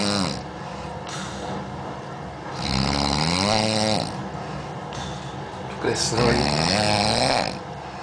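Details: Loud, rough snoring with groaning, pitch-sliding tones on each breath, amid background noise and music.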